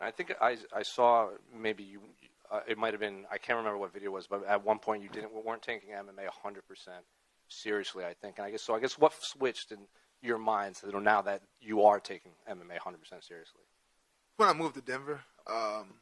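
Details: Adult male speaker; no speech disorder.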